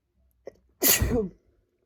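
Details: Adult male: short intake of breath, then one loud explosive sneeze with spray; sneezing.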